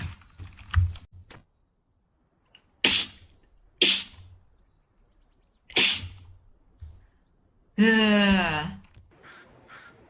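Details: Several sharp sneezes in a row, then a longer voiced sneeze, from a compilation of rapid sneezing; rapid repeated sneezing.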